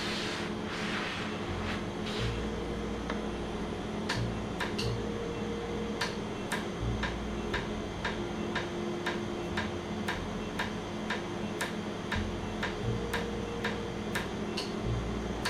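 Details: Laser tattoo removal session in Jamaica, after numbing, with red ink left for a later session: sharp repeated snapping clicks, roughly two a second, over a steady machine hum, as the laser fires pulses.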